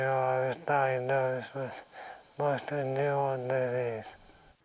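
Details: Adult man recorded in the early stages of motor neurone disease, natural voice before any synthesis, answering an interviewer; dysarthria in motor neurone disease.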